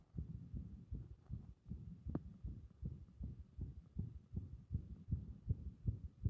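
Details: Heart with repeated arrhythmias triggered by compression: fast, muffled heartbeats, around 150 a minute, with uneven spacing and loudness; an irregular rhythm.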